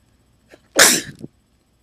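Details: A deliberately attempted sneeze on camera: a brief inward catch, then a loud, explosive burst that trails off quickly, described afterward as a big one.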